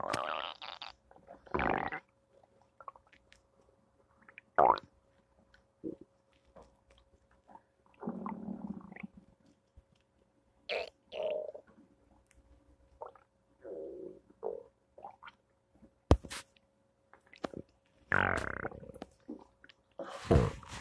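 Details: Irregular gurgles, squelches and low rumbles from the belly on a Thursday morning: ordinary stomach rumbling, bowel sounds (borborygmi).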